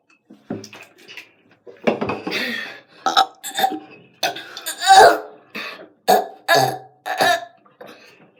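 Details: Children doing a burp challenge, taking turns with short, voiced, gurgling burps separated by brief pauses.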